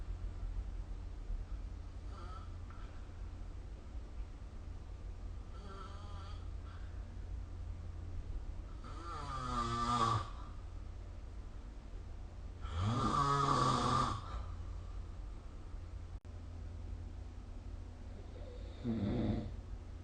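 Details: Loud, rattling snores recurring with inhaled breaths during sleep over a steady low background hum, recorded with a phone snoring-recording app.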